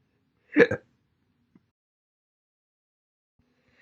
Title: All Slow Hiccups Part 1 (Updated)